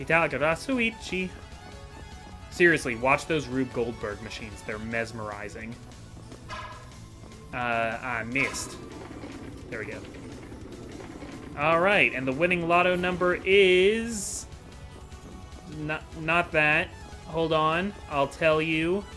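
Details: Adult male who says he stutters a lot and has a speech impediment, worse when making things up on the spot, in unscripted commentary; stuttering.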